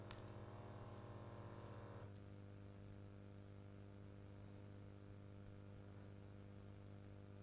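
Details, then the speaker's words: Digital automatic blood pressure monitor with a cuff, used by a standing adult: steady motor whine with fast pump pulses stopping after two seconds, leaving a low hum; cuff inflation, then measurement. "as soon as I turn this on it will take my blood pressure and I'll have to be quiet because you actually need to not be speaking while you're taking your blood pressure"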